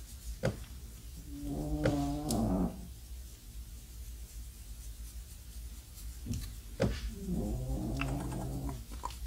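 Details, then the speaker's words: Two slow, low, rumbling snores from a sleeping pet dog, with quiet room sound and brief clicks between them. "Si vous entendez mon chien qui ronfle, vous l'entendez? Lenny, il est en train de ronfler. Bien comme il faut."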